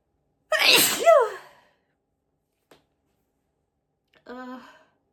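One loud, high-pitched explosive sneeze, then a small click and a short groaning sound afterward.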